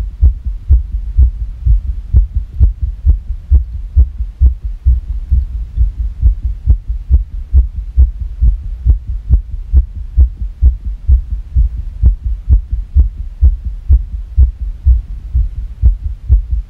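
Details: Rapid heartbeat at about 130 beats a minute with somewhat uneven spacing, described as sick and possibly irregular; fast heartbeat.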